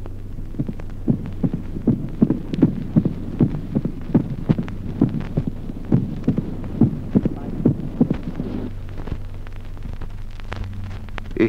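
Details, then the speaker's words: Mitral opening snap with short interval in sinus rhythm, teaching example 15: regular heart sounds with a sharp extra click just after the second sound. "ejemplo 15to chasquido de apertura mitral de intervalo breve con ritmo sinusal"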